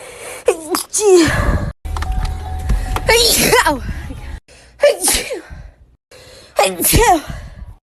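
About four sharp voiced sneezes, each a quick in-breath then an explosive burst, with music in the background.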